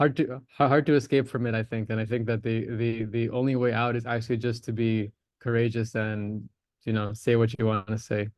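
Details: Stuttering (stammering) in a male adult in a stammering association's online practice course, who discloses his stammer and uses voluntary stammering.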